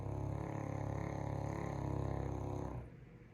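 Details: Caucasian Shepherd (Ovcharka) dog snoring loudly enough to wake the owner: one long, loud, coarse rumbling snore lasting about three seconds, then fading.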